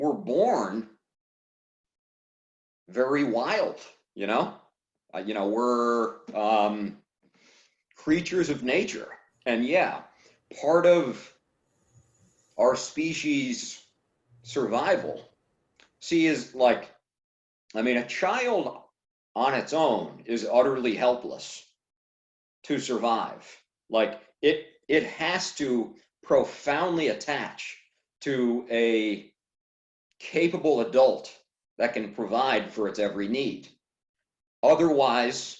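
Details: Adult man who stutters speaking in fragmented phrases with long pauses suggesting blocks; stuttering.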